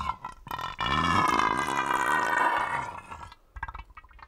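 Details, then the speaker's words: Tummy rumble: a loud bubbling, gurgling rumble lasting about two seconds, described as air and water pushed through the gut past the remains of food: normal bowel sounds (borborygmi). "amazing isn't it that noise is air and water being pushed through the gut past the remains of your food"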